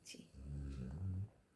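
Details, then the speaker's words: Snoring from a sleeper at night, around 11:15, under a heavy blanket, body trembling with each snore. "দেখো, দেখেছো আজকে আমি successful হয়েছি। তোমাদেরকে দেখেছো কেমন কেঁপে কেঁপে উঠছে, কেঁপে কেঁপে নাক ডাকছে, দেখছো?"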